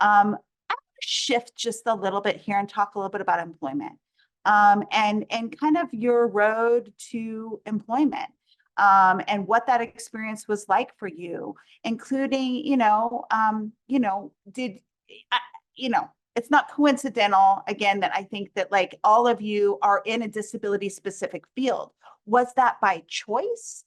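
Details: Adult woman speaking; normal speech.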